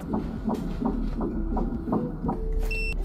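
Rapid rhythmic whooshing pulses at about 170 a minute over low rumble, the fetal heartbeat on ultrasound at 11 weeks.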